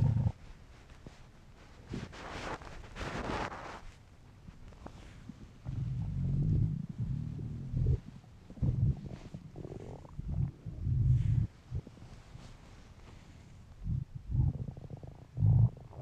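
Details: Male's empty stomach making low gurgling rumbles and growls, typical normal hunger noises. Borborygmi.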